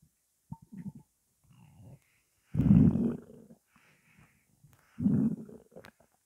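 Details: Hunger stomach growling (borborygmi) during a 12-minute recording of an empty stomach holding only water: low gurgling rumbles in three bursts, the middle loudest, with quiet gaps between.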